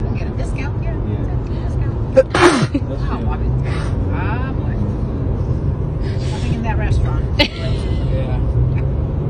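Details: Repeated sneezing that began five minutes after leaving a coffee shop, during a two-hour drive: one brief, sharp sneeze over traffic and café noise with nearby talk.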